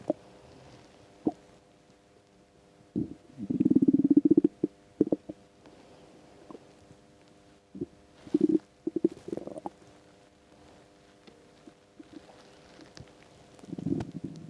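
Irregular gurgling, growling rumbles in bursts with quiet gaps: stomach rumbling from an empty stomach.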